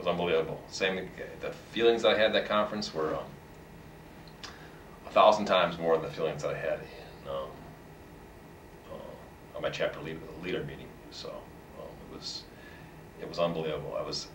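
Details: Adult man who has stuttered lifelong and is a long-time member of a stuttering support association: stuttering with repetitions.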